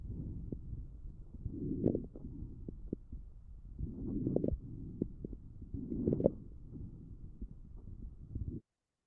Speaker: This is early to mid inspiratory crackles. These are fine crackles of IL for example.